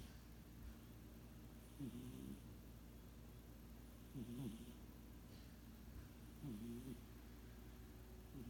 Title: Sugar Cat Snoring